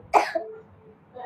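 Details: Child giving one short deliberate cough, feigned to skip tuition, as caregivers note no cold or sneezing: voluntary put-on cough.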